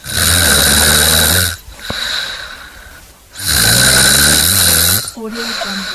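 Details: Snoring from a snoring sound-effect compilation: two long, loud, harsh rumbling snores with quieter breaths between.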